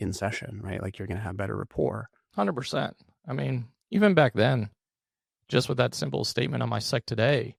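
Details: Adult male with one vocal cord paralysed by open throat surgery for a rare chronic recurring throat condition, after endoscopic surgery in 2021 and recurrence within 4 months; voice improved but still vocal fry, tires daily; finding: unilateral vocal cord paralysis.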